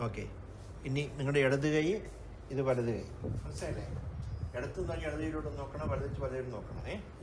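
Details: 65-year-old man with the PSP-Parkinsonism variant of progressive supranuclear palsy, with right hand clumsiness, falls and asymmetric akinesia; hypokinetic dysarthria with speech freezing.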